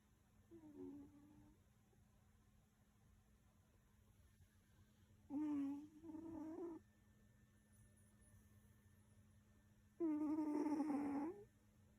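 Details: Squeaky snore during sleep: high squeaky whistling sounds on some breaths in a quiet room.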